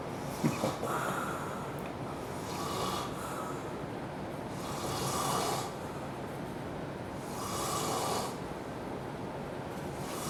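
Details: Extremely loud snoring from a sleeping male who does not wake: rough snore on each breath in, about every two and a half seconds, over steady room noise.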